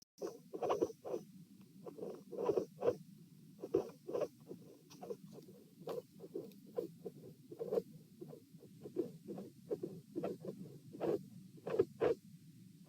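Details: Stethoscope heart sounds at position P during an auscultation stress test, lying, sitting and standing, in a patient with dilated aortic root: irregular rhythm around 66–72 bpm, midsystolic murmurs and a cyclic extra component near S2.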